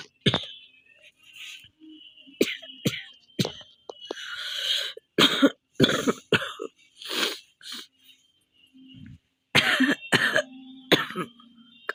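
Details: Woman with a real, persistent cough from a cold, which she says is easing: repeated short, sharp coughs in bursts with pauses, some throat clearing and laughter.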